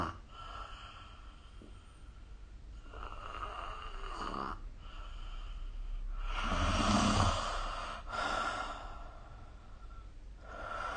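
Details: Snoring recorded with the SnoreLab app: noisy sleep breathing in repeated cycles, with one louder, rough, low snore partway through.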